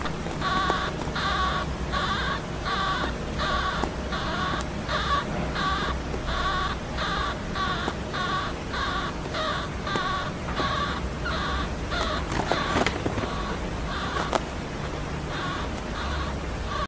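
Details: Sleeping male baby hamster: rapid, regular squeaky breaths, about 86 a minute, with tiny snores over a steady background hiss. Snoring.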